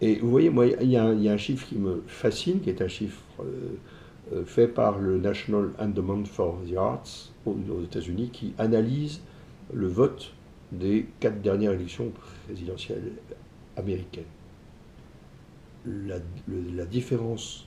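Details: Adult male entrepreneur with stuttering (bégaiement), which he self-reports; he says his ease of speaking varies with how receptive the listener is. Finding: stuttering.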